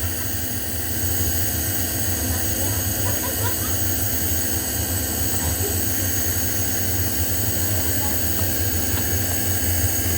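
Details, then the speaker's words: Omron compressor nebulizer running during a home demonstration: a steady loud motor hum with constant airflow as medicine mist comes out through the mouthpiece. It is for a husband with bronchitis who has difficulty breathing during asthma attacks. "kita niyo naman may usok na lumalabas isalpak niyo sa bibig niyo y exhale lang kayo ganyan Ito po yung gamit sa mga asthmatic cle o balo"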